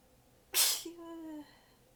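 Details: Single sneeze from a longer fit; sneezer exhausted with sore abs, partly biting sneezes back: one forceful, hissing sneeze followed by a drawn-out voiced sigh.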